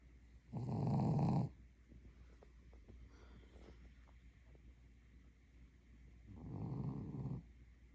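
Two low rumbling snores about six seconds apart, with quiet breathing and room hum between them. Snoring.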